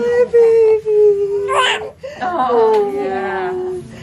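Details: Baby girl born at 38 weeks after a membrane sweep, crying just after delivery: strong, high-pitched newborn wails in sustained bursts broken by breaths.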